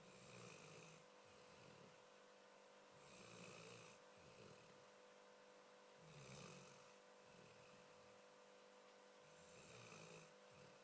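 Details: A 10-year-old Labrador dog snoring while asleep with his eyes open: repeated noisy, rasping breaths about every three seconds, close to 20 a minute, over steady room hum.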